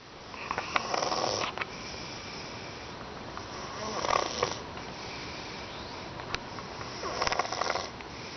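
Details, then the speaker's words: Harsh, raspy snores on three breaths roughly three seconds apart from a sleeping cat; loud snoring. "Harley. Harley. Dude, you're snoring."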